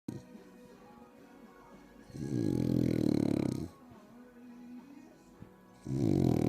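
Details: A very wrinkly French bulldog snores loudly while asleep sunbathing: snoring.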